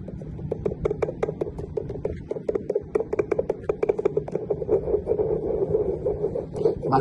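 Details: Fetal Doppler handling artifact: scratchy, irregular crackling and rubbing hiss from the Doppler speaker as a hand touches the probe to demonstrate its sensitivity.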